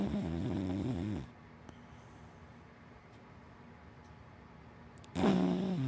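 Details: Hana, a big black dachshund–Labrador mix dog, asleep: two loud, rumbling snores separated by several seconds of quiet; ordinary sleep snoring.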